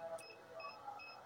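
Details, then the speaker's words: An SK-600II infusion pump showing a "system abnormal" error at self-test gives repeating high electronic alarm beeps when the power cable is removed; the problem is usually the battery. "Biasanya kalau ada alarm seperti ini ya Jadi pada saat kabel power sudah dilepas terus muncul harum"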